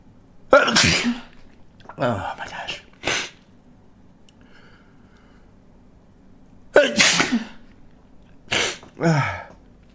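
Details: Two deliberately induced sneezes in a man, triggered with a stiff paper or cardboard tag in the nostril, other nostril tried; each a sharp inward catch then explosive burst with trailing vocal sound, plus smaller sniffs.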